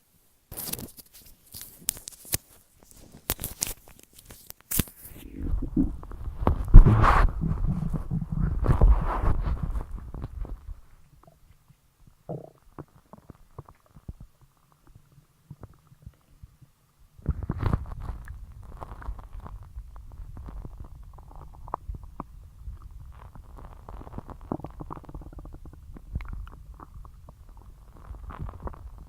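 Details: Low gurgling and rumbling from the belly, with scattered clicks and quiet gaps, after a large Sunday dinner: ordinary active bowel sounds.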